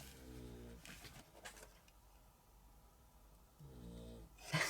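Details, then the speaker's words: Two low, buzzing snores from a sleeping dog, about three and a half seconds apart, with faint paper rustling: snoring. "Oh, she's really snoring away."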